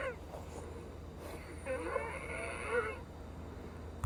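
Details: Female with Down syndrome wheezing again soon after a DuoNeb nebulizer treatment, next due arformoterol and Pulmicort: noisy breath with brief high whistling notes over a low room hum.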